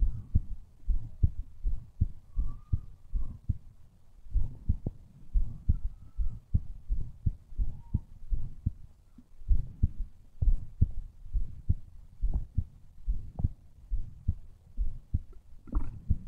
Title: MY HEARTBEAT